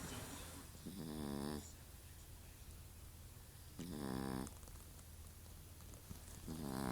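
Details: Tiny, very mixed-breed foster dog snoring while asleep after settling into a new home, sleeping about 17 hours: rhythmic rough buzzing inhalations, roughly 25 a minute, over low room hum; snoring.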